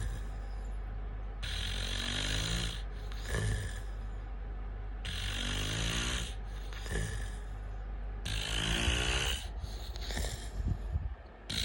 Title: Snoring man